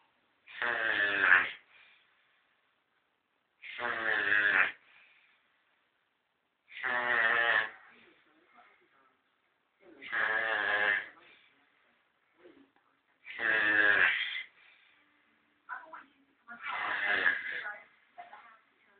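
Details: Sleeper possibly snoring: six buzzy, fluttering snores at even spacing, about 19 a minute, with silence between them.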